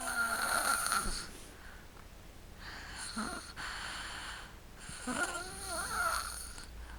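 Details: Sleeping and snoring: rough, noisy breathing sounds during sleep, with a faint whistling tone on some breaths.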